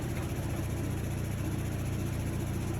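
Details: Vyaire 3100A high-frequency oscillatory ventilator in an in-service training, piston running with a steady rapid low buzzing hum while settings such as frequency and tidal volume are explained.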